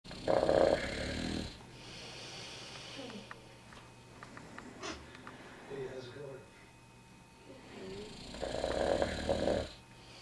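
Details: Loud snoring: two harsh snores about eight seconds apart, with quieter snuffling and clicking sounds between them.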